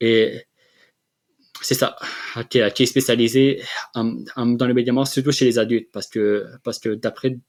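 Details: Adult man who has stuttered since childhood and has had speech therapy, speaking French in an interview; stuttering.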